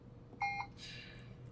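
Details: Short electronic keypad beep as a setting is adjusted on a Puritan Bennett 560 ventilator in volume SIMV mode with pressure support, then a soft hiss of air; normal confirmation tone.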